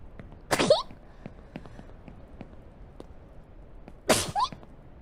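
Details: Sneezing: two sharp, explosive sneezes about three and a half seconds apart, each with a brief voiced onset, in a quiet room.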